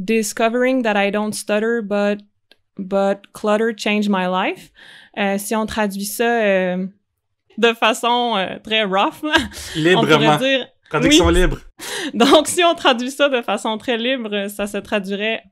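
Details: Adult male comedian with cluttering, a fluency disorder often confused with stuttering; he learned only in adulthood that speech-language therapy exists for it; cluttering.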